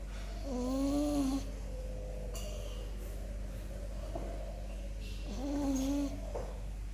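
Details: A female French bulldog napping gives two drawn-out whistling, whining snores over a steady background hum: snoring.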